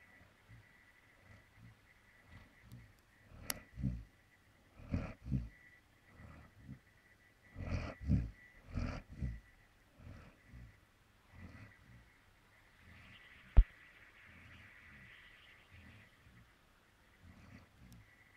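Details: Dog heard snoring while asleep, recorded when the owner noticed from the computer: irregular short, low, grunting snorts through the nose, some in quick pairs, with quiet gaps between; nasal snorting.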